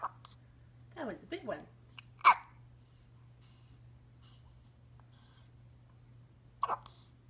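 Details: 1-week-old newborn hiccuping: a few brief, abrupt catching sounds in a quiet room with a low steady hum behind; infant hiccups.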